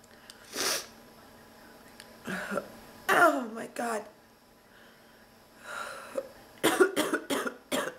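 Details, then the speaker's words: Woman sick and still fighting off an illness, with back pain from coughing: repeated harsh coughs in clusters, a final rapid run of about four coughs, and gasping breaths between them; persistent nonstop cough. "ugh I can't take it my nose I'm coughing ah kicking my ass"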